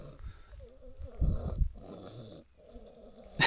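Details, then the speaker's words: Daughter of nearly 2, asleep while carried on a parent's back during a hike, snoring: soft, rough snoring breaths against outdoor wind noise. "she's asleep now. You can hear her snoring away. That's just me boring her from talking, nothing else."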